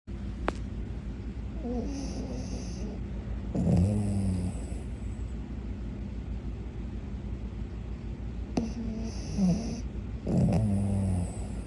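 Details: Pet dog snoring, pug or shih tzu: snoring.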